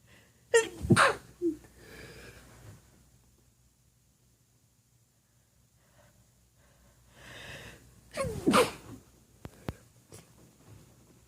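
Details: Sneezes induced with a feather and muffled into a pillow: two forceful sneezes, each after a quick in-breath, several seconds apart.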